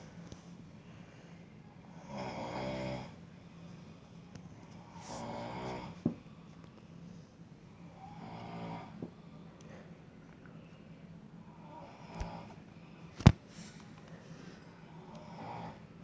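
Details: Brother who denies snoring, filmed asleep: low, rattling snores on each in-breath, about every three seconds, over steady low room hum.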